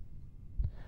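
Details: Low, muffled stethoscope rumble with a single soft, dull thump: a heart sound heard with the bell at the apex during a cardiovascular examination demonstration, while listening for the low-pitched murmur of mitral stenosis.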